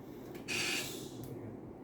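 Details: Oxygen flush from an APS1210 anesthesia machine: a brief rushing hiss of gas lasting under half a second over quiet room noise.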